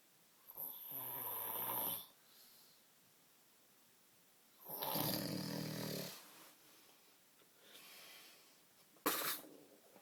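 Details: Loud rattling snores on two long inhalations with softer exhalations and wet smacking, adult man snoring and dribbling during sleep.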